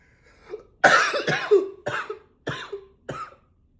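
Five forceful coughs in quick succession, the first one longest and harshest.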